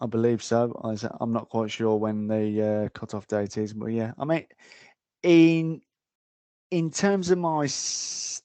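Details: Adult male frontline security officer with a stammer; stuttering.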